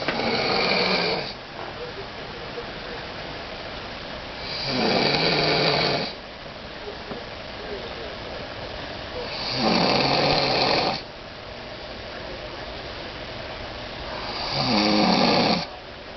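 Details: Adult woman napping on a couch, snoring loudly: rough snores on each breath in, about 12 a minute, with quiet breathing between them.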